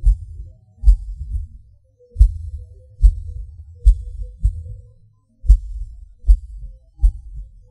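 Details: Person's own heartbeat, about 73 a minute, low dull beats unevenly spaced: early beats, longer pause, then harder beat; irregular rhythm with premature atrial and ventricular contractions (PVC/PAC), felt as a falling rush.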